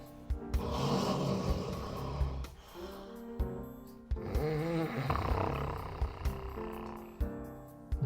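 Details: Low, rough snoring breaths heard over background music, in a promotional recording for an anti-snoring wristband; snoring.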